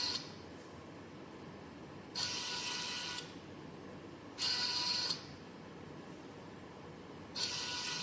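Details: Repeating bursts of motor and gear whine, each about a second long, as a homemade student-built COVID-19 e-ventilator, controlled by Arduino Mega and ESP32, cycles its breathing arm.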